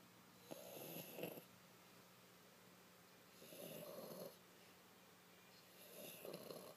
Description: My french bulldog Karma sleeping in my lap and just snoring away!